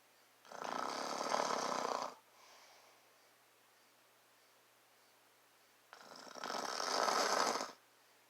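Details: Adult man snoring, recorded up close to his face: two loud, rough, rattling snores on breathing in, each about one and a half seconds, separated by a quiet pause.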